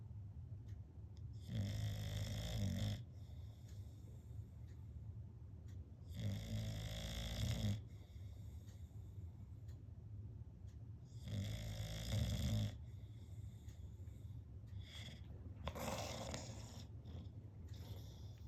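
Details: Deep, rattling snores on each breath, about 12 breaths a minute, with hissing exhalations from a sleeping bulldog; snoring.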